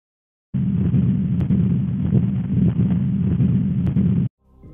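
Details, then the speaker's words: Real heart recording: continuous low rumbling machinery murmur spanning systole and diastole without pause, from patent ductus arteriosus, in a patient with Down syndrome. "The mechine ngunanguna, classically spans systole le diastole Gomme go molwetši yo, ye ke metšhene ngunanguna ya patent ductus arteriosus"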